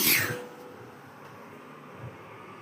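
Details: Person sneezing in a small room: one sharp, forceful burst of air, then quiet breathing; a single sneeze.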